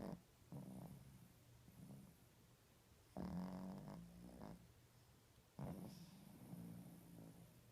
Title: Snoring Pooch